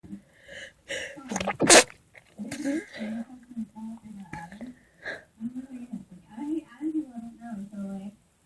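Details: A sudden, random sneeze: a sharp, explosive sneeze after a short voiced build-up, then brief voiced sounds and exhalations; an ordinary sneeze.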